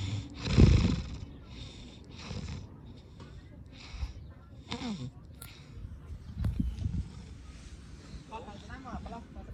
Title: Sounds to snore